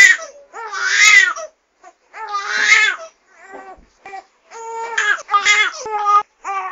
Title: SFX - SOUND EFFECT - CRYING BABY -SCHREIENDES BABY